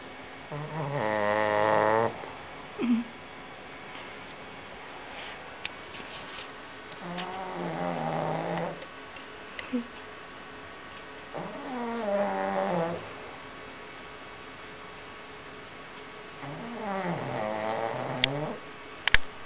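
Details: Slow, regular, fluttering, buzzy snores, about 12 breaths a minute, from a pug napping; snoring in a short-nosed dog.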